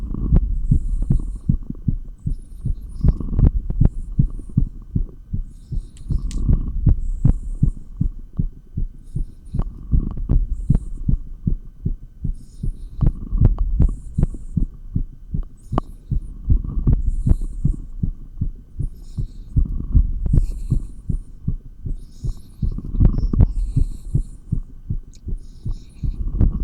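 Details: Fast, steady heartbeat recorded through a stethoscope while exercising with 20 lb dumbbells, with rhythmic movement noise swelling and fading.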